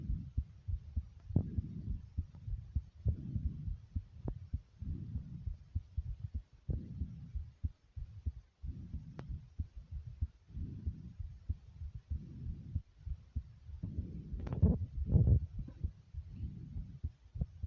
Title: My Heartbeat Recording ❤